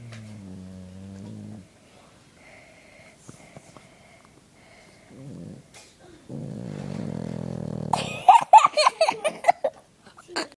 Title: Dog snoring #2